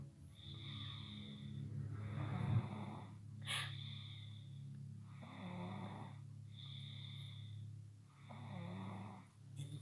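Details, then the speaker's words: 8-year-old boy sleeping: loud, low rattling snores with each inhalation, separated by quieter exhalations, steady low room hum; snoring. "This is my grandson. He's snoring, and he's only 8."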